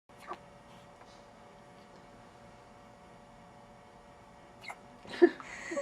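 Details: A one-day-old baby girl in hospital with hiccups: two or three short, sharp catches of breath several seconds apart against quiet room hum.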